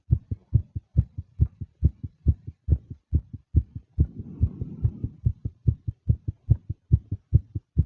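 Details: Fast, nervous heartbeat of a female, rapid regular paired thumps at about 140 a minute, with a brief breath sound midway; tachycardia.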